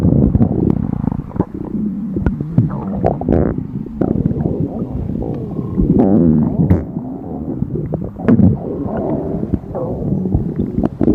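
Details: Empty stomach of a hungry person on a diet, in front of food: loud, nearly continuous rumbling and gurgling with squeaky growls throughout. Hunger stomach growling (borborygmi).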